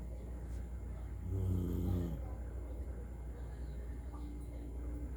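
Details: Sleeping dog in Bulacan, Philippines, snoring like a human: a single rattling, low-pitched snore on an in-breath, with steady background hum; snoring.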